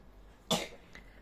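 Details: A baby, recorded in the evening while sick with a cough and cold: one short, sharp cough followed by a faint breath.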